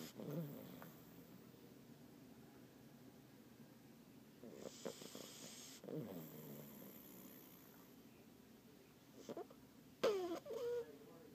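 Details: Sleeping French bulldog puppy, a couple of months old, makes a few rattling, snorting snores between quiet stretches.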